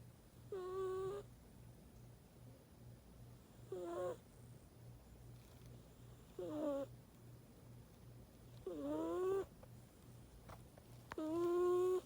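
High, squeaky whistling sounds with each breath, about 23 a minute, in a quiet room: a whistling snore.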